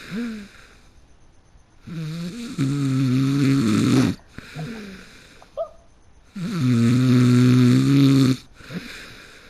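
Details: Person fell asleep mid-game: loud, low, buzzing snores on each breath in, about 14 breaths a minute, with softer snorts between; heavy snoring during sleep.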